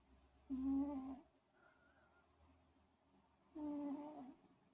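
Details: Sleeping cat snoring after a day catching frogs: two soft, tonal snoring breaths about three seconds apart with quiet room noise between; ordinary sleep snoring.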